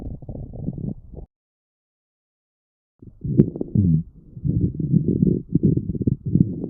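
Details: Coarse crackles on lung auscultation: low-pitched, bubbling, popping chest sounds from secretions in the larger airways.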